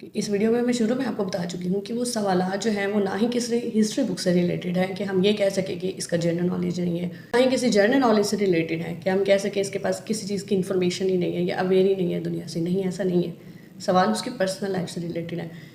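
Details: Adult woman speaking Hindi; fluent speech.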